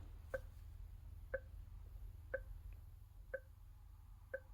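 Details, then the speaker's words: Philips IntelliVue MX400 patient monitor QRS tone at volume 1 with SpO2 tone modulation off: short, even chirps at 60 a minute with no pitch change, as when oxygen saturation isn't measured. "So your QRS is that characteristic waveform corresponding to a heartbeat. So let's put the QRS volume up on 1. So there you have it. Now it's beeping at you."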